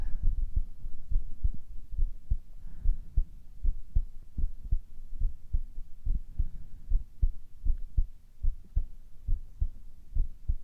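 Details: Male ASMR recording: steady, soft, low lub-dub heartbeat thumps repeating close up, with faint room hiss behind them.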